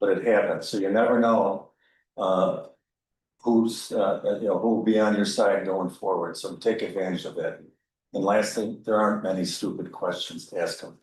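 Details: Adult speaker; Normal voice.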